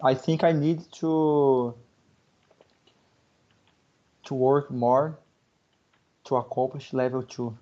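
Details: 28-year-old Brazilian man, Portuguese first language, speaking English; stuttering since age 12 on about half or most words, much improved after therapy; part-word repetitions heard; stuttering.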